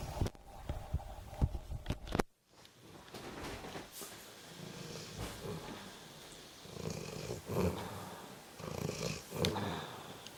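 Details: A sleeping pet, Skye, snores after brief handling clicks: low, rumbling breaths that swell and fade in a human-like rhythm.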